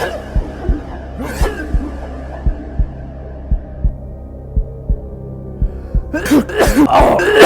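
Regular paired low thumps, about 57 beats a minute, under music and hum, ending in a loud burst of noise.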